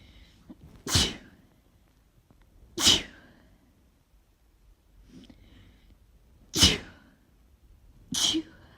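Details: Tree pollen allergy sneezing fit, with worry about a possible cold: four sharp, hissing, wet, itchy "choo" sneezes in about nine seconds with little warning and soft breaths between.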